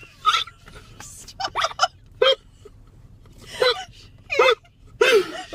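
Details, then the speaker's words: Adult male in a car with the worst hiccups of his life: short, sharp voiced gulping sounds recurring about every second; hiccups. "I have the worst case of the hiccups I've ever had in my life"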